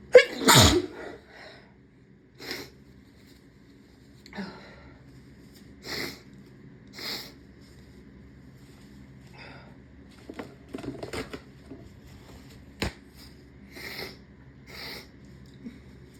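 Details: A series of sharp sneezes, some full and some stifled, with sniffs between; sneezes induced by tickling the nose with a rolled-up tissue.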